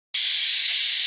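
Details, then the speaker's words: Simulated hissing-type tinnitus: a steady high-pitched hiss like escaping gas or a pressure cooker, spanning an even wider range of frequencies. "O también puede sonar como un escape de gas o una olla express que abarca aún más frecuencias."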